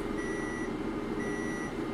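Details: Class IV companion therapy laser treating a bony dog's entire hip joint, her third treatment, handpiece held slightly off the skin: two evenly spaced high electronic beeps over steady machine hum, the laser's timing tone.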